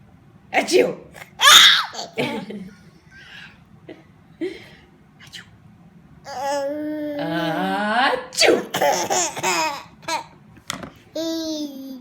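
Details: Infant laughs with bubbling giggles after an adult (mother) gives a couple of abrupt, ordinary sneezes; sneezing.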